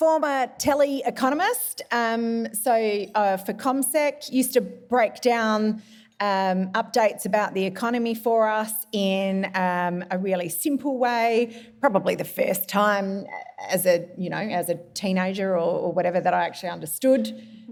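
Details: Adult woman speaking; normal speech.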